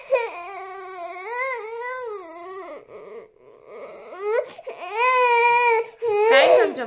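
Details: Young child (one of twins) crying in long, wavering wails with brief pauses for breath in a small room.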